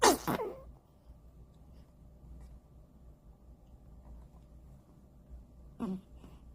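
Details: A newborn in a postpartum care centre looks around and then gives a single sharp sneeze, followed by quiet room noise and a small squeak. An ordinary newborn sneeze.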